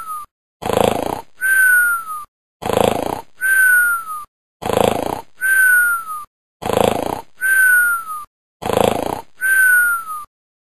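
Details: Loud rhythmic snoring, about 30 breaths a minute: a rough inward snore then a whistling outward sound each cycle, with brief pauses between.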